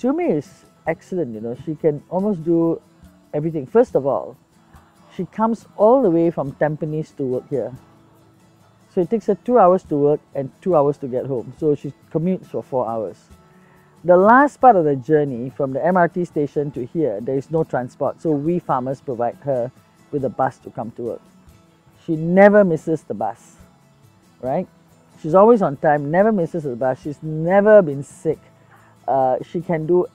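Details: Adult speaker; normal speech.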